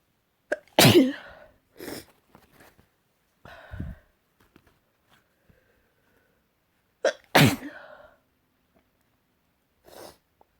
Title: Morning sneezes